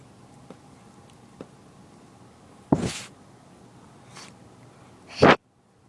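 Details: A cat's little sneezing fit: two sharp sneezes with a softer snort between them, in a quiet room.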